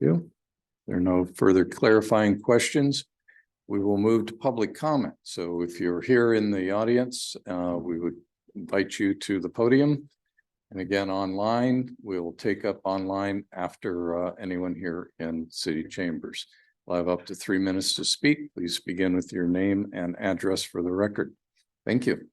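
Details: Adult male speaker; ordinary speech.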